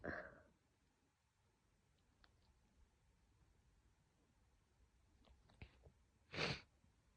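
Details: Morning sneezes while trying to stifle them: a soft burst at the start and a brief, muffled sneeze near the end in a quiet room, stifled sneezing.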